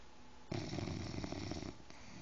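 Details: One loud, rattling low snore of about a second from a sleeping 5-month-old bulldog puppy over quiet room noise; snoring.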